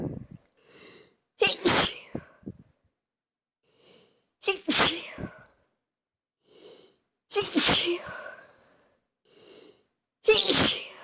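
Four sneezes in a row, each preceded by a short indrawn breath, followed by a forceful noisy burst.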